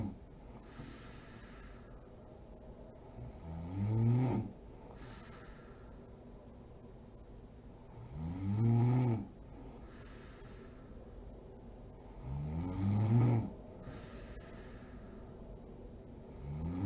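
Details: Snoring mom while sleeping: regular deep, rumbling snores about 13 a minute, each rising and fading over a second, with quiet breathing between.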